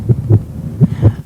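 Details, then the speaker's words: Fast heartbeat of a sick child with a 102.2°F fever, contrasted with his healthy heartbeat, in an educational children's video. "this is Paul's heartbeat when he's sick wow so fast do you hear how fast it is sure do"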